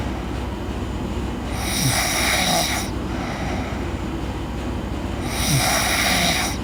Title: Girl Sleep Snoring